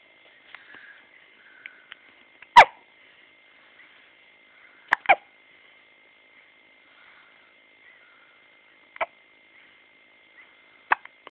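Several abrupt, sharp gulping hiccups at irregular intervals, about five in eleven seconds, over a faint steady background hum. Ordinary hiccups.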